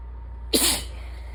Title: 7/16 - end of a sinus infection: congested, sick-y sneezes pt. 1